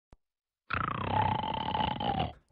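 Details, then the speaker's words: A single loud, rough, rattling snore lasting about one and a half seconds; snoring. "Does snoring keep you awake or keep you apart? If you live with someone that snores, you know it is no joke."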